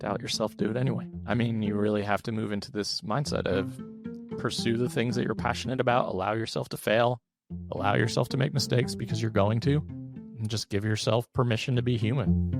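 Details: Adult man with one vocal cord paralysed after open throat surgery for a rare, chronic, recurring throat condition (endoscopic surgery in 2021, recurred within 4 months); voice improved but still fatigues daily, with vocal fry; unilateral vocal cord paralysis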